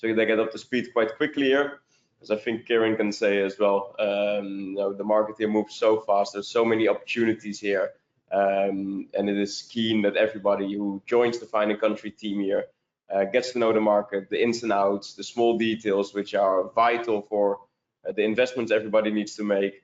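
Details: Adult male speaker; normal voice.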